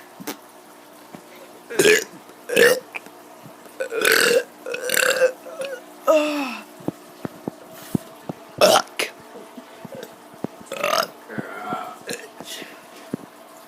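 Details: Child voluntarily producing about eight loud, voiced burps in a row with short pauses and faint room noise; burping.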